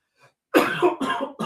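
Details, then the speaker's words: An adult gives a short run of harsh, forceful coughs after something went down the wrong way: a choking cough after aspiration. "Excuse me. That went down the wrong way."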